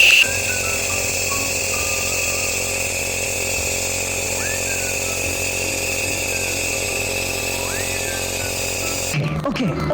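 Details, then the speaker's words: Loud steady motor drone with a high whine and faint background music: a home compressor nebulizer switched on after the mask tubing is connected, demonstrated by a user who has used it for months. "Connect ಮಾಡಿ switch on ಮಾಡ್ಕೊಳ್ಳಿ on ಆದಮೇಲೆ next ಇದರಲ್ಲಿ on and of ಇರುತ್ತೆ next ಇದನ್ನ on ಮಾಡ್ಕೊಳ್ಳಿ"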